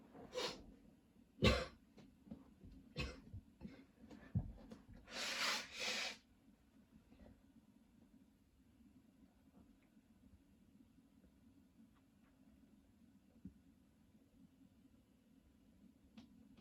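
A cluster of harsh coughs with throat clearing, then a long rough expiratory burst, followed by quiet breathing: a persistent coughing spell.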